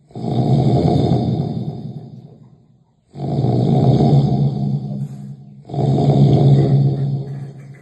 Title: Heavy sound snoring